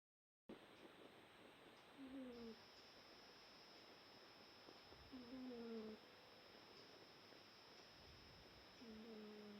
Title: Wookie the cat snoring